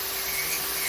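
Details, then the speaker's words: Podiatric rotary burr with a high, steady whine, grinding down a deep-seated corn or callus on the tip of a hammer toe, with a thickened, hard toenail, after nail trimming. "we got the Calas or the corn pretty well so we're just going to gr it nicely and then I should I should do the job"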